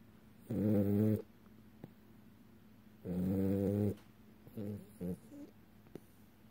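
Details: Sleeping male French bulldog in REM sleep, eyes open and flickering: quiet, throaty snores with brief irregular snorts and grunts, attributed to his short snubby nose; snoring.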